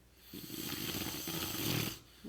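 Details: Brother snoring during sleep: a single harsh, fluttering snore under two seconds with a rough rattling quality; he denies snoring, and the person recording says he needs a CPAP machine.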